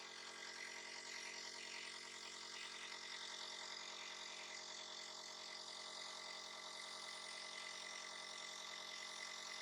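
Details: Steady mechanical hum with a fast, even rattle from a nebulizer compressor giving a breathing treatment to a little one who coughs and sneezes; nebulizer running.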